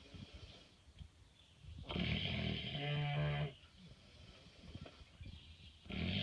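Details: Pig sleeping in a barn in the evening, snoring: loud, rasping, rumbling snores, two long noisy breaths with quieter snuffling between, and outdoor background noise.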